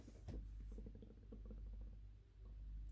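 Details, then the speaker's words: Stomach rumbling (borborygmi) in an adult on a 1:1 Cambridge diet, feeling dizzy, weak, nauseous with painful hunger pains after eating: low, bubbling gurgles and rapid soft clicks, heard faintly over low room hum. "obviously i had my fava beans i had my lemon bar and then i felt super unwell so i was really dizzy i felt really weak i felt like i was going to puke and my stomach was making noises the"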